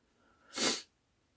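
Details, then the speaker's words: An adult who is still a bit sick gives a single sharp, hissy sneeze, a brief explosive burst of air. "I'm still a bit sick. as you can probably hear from my sneezing."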